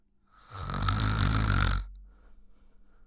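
One loud, rough, rattling snore on the in-breath, then a quiet hissy out-breath. Ordinary snoring.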